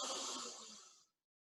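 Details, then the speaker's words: A single soft, airy deep breath fading over about a second, demonstrated by a respiratory physiotherapist as one of four deep breaths in an airway-clearance routine: lateral costal breathing exercise. "so your normal deep breaths like you did either diaphragmatic or lateral costal so I'm going to do lateral costal breathing"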